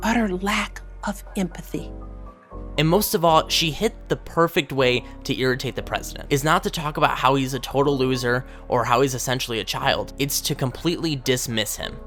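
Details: Adult male speaker with background music; ordinary speech.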